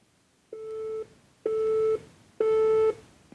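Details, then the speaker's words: Three steady, evenly spaced electronic tones from an automated external defibrillator during a CPR training demonstration. The device detected fibrillation, announced that defibrillation is needed, and is charging: AED charging tone. "어 충전 중이라는 메시지가 나왔는데요. 지금 세동이라는 부정맥을 포착을 했기 때문에 그것을 제거하기 위해서 강한 에너지가 충전이 돼야 됩니다."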